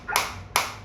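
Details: Focused shockwave therapy applicator as intensity is raised toward the maximum level (about 13), frequency automatically dropping from 180 to 150; two sharp, crisp snapping pulses about half a second apart.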